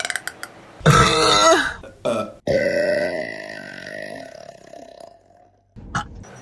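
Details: Woman burping, from a compilation: a long, loud, voiced belch with a rumbling, croaky tone, then a couple of shorter burps; burping.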